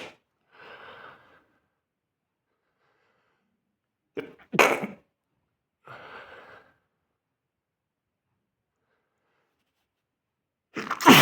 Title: Sneezing at bed